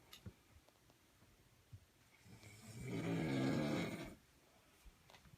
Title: Best Snoring Video